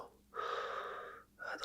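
A sharp, breathy intake of air lasting under a second, then a second shorter breath; a gasp during acted chiropractic roleplay.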